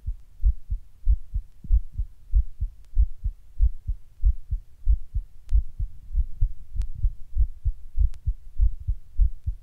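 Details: While sitting down, the heart suddenly beats weird and hard, getting fast every once in a while: strong, thumping beats at about 95 a minute, slightly uneven in spacing, with a few faint clicks; palpitations.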